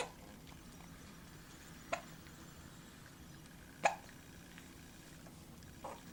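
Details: Female with hiccups: three brief, sharp hiccup sounds about two seconds apart against quiet room noise.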